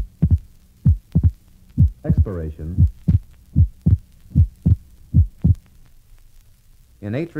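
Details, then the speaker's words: Right bundle branch block in a 1965 teaching recording: regular heartbeat near 76/min with abnormally wide splitting of the second heart sound from delayed pulmonary valve closure, across expiration and inspiration. "this is an example of abnormally wide splitting of the second heart sound in a patient with a right bundled branch block refer to figure 27."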